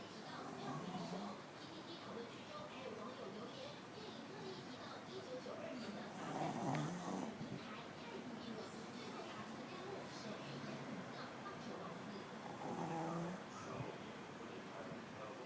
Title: My snoring darling whu slp lik a boss